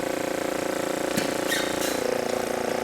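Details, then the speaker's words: Oral suction machine with its patient outlet blocked to show it pulling suction: a steady, rapid pulsing motor drone with a few faint clicks. "so if i were to block that off you can hear the machine pull start pulling a suction"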